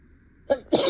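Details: Acted sneezing fit in a simulated scenario of a teacher sneezing while teaching a class: a short in-breath, then a forceful, hissing sneeze burst; sneeze.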